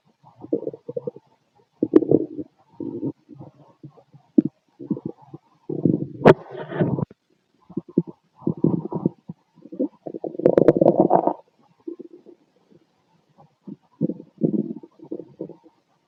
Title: Growling abs stomach noise 🩺 #body #auscultation #stomach #stomachgrowling #abdomen #abs #growls